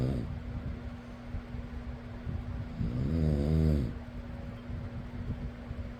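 A single deep, vibrating snore on an in-breath over a steady fan hum, with softer breathing noise before and after. Snoring.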